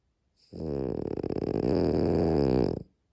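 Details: Sleeping dog: one long, fluttering, low rattling snore lasting about two seconds.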